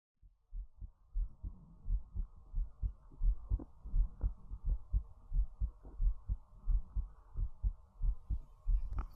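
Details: Normal heartbeat recorded for ASMR: steady, soft, low thumps at about 88 beats a minute, regular and unremarkable.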